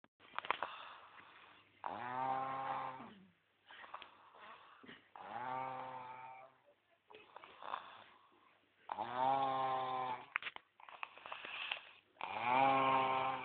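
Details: Loud, rattling, drawn-out snores repeating every few seconds, some with a buzzing, nearly voiced quality; heavy snoring.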